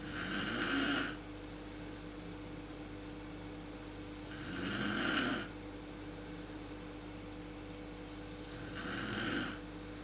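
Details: A mother snoring in a dark room at the start of sleep, when it is worst, recorded on a Canon PowerShot SX130 IS camera: loud rasping snores on each breath in, about 14 a minute, steady and regular.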